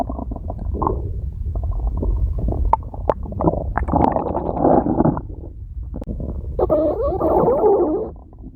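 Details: Long, low rumbling and gurgling stomach growls rising and falling over several seconds: ordinary stomach growling (borborygmi).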